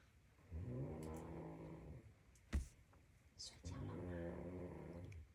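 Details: Low, rumbling snores from a person snoring in the background while a baby is being put to sleep. Two long breaths about three seconds apart in a quiet room with faint background sounds; snoring.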